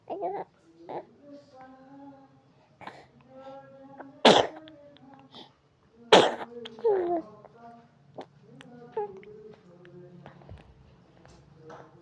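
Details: Young boy talking with his mother while sneezing: two sharp sneezes between babbling speech and an adult's voice.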